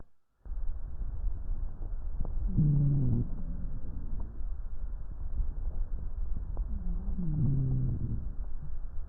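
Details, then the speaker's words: Rhonchi played in a teaching session: low-pitched, rumbling, rattly breath sounds over two breath cycles, described as dirty sounds from airway secretions. "se dan cuenta que son sonidos sucios que tienen secreciones esos son roncus"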